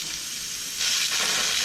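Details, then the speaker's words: Dental high-volume suction through an M7 HVE mirror drawing in sprayed water, demonstrated by a hygienist as if used in a patient's mouth: airy hiss swelling into loud rushing suction of air and water, replacing a separate saliva ejector. "eliminates the need for going back and forth between grabbing the saliva ejector high speed section because now we have a mirror all the time and we have suction all the time"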